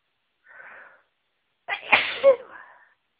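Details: Sneezing after exposure to a certain flower: a soft inhaled catch, a pause, then one forceful sneeze with a trailing voiced release; an allergic sneeze.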